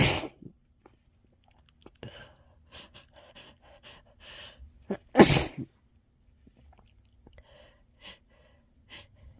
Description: Sneezing into a tissue